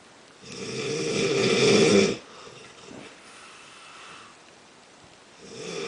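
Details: Heavy snoring during sleep: one long, loud, harsh snore on the in-breath, a quiet pause, then the next snore beginning; listener says real-life snoring is much louder than recorded.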